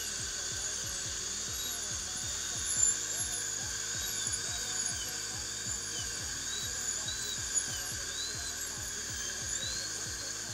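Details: Dental drill during a root canal procedure on a front tooth: high-pitched whine rising and falling as it works, over background music.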